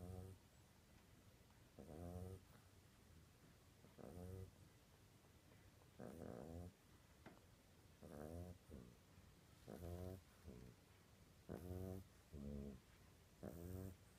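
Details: Snoring: repeated short, low, buzzing snorts, about 30 a minute, over a steady background hiss.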